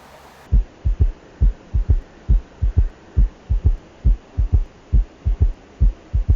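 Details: Normal heart sounds during a demonstration of a cardiovascular physical exam: regular lub-dub at about 68 beats a minute, heard through a stethoscope (bell) while listening for extra heart sounds, with no clear added sound.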